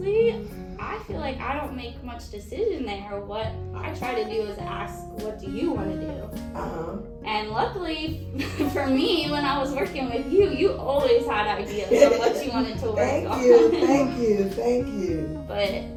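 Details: Adult woman speaking; normal speech.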